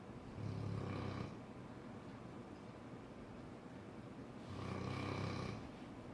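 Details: Cane Corso dog snoring: two deep, rumbling snores on the in-breath, about four seconds apart, over steady background hum.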